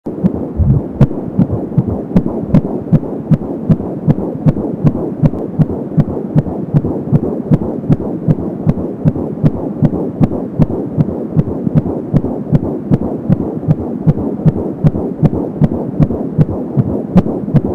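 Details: Fetal heartbeat at 14 weeks of pregnancy on an Angel Sound home fetal Doppler, about 170 beats a minute: rapid, regular galloping pulses over a soft whooshing umbilical cord sound.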